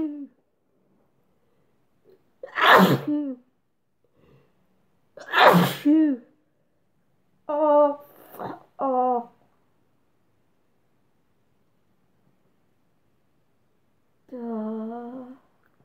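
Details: Two forceful sneezes into a handkerchief with sharp inhaled build-ups, followed by short voiced sounds and a brief hum; ordinary sneezing.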